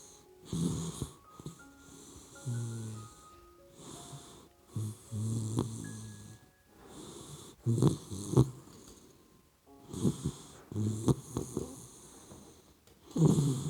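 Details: Low rattling snores in irregular breaths from a sleeping puppy dog, with background music; ordinary sleep snoring.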